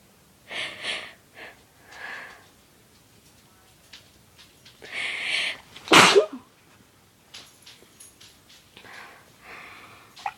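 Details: Induced sneezing: several short hissing bursts and one loud explosive sneeze, with quieter sniffs and breaths between; an ordinary sneeze.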